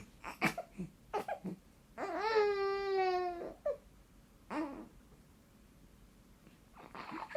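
Brief fussing sounds and one short wailing cry from an infant in a quiet room; an ordinary infant cry.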